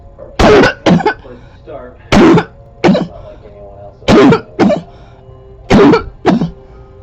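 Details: Close-up recording from 2014 of a person's long-standing, ongoing barking cough: four paired harsh, hollow coughs over a faint musical background.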